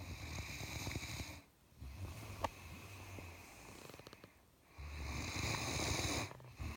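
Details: A sleeping Great Dane snoring: loud, rumbling, rattly breaths, with several long snores separated by brief quiet pauses.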